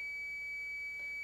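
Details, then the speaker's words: AED used on an adult in a CPR training demonstration, with voice prompts "shock advised, charging, stay clear, press the orange button": a steady high-pitched continuous electronic tone; shock-advised alert. "shock advised charging stay clear of patient deliver shock now press the orange button now"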